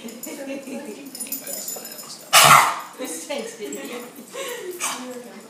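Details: Dog with kennel cough: sudden harsh, hacking cough burst over quiet background voices.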